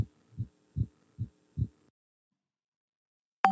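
Simulated heart sounds: five even, low thumps over two seconds, then silence and a brief tone.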